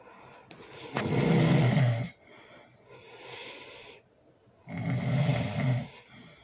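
Loud, rough rattling snores on breathing in, each about a second long, separated by quieter breaths out; heavy snoring.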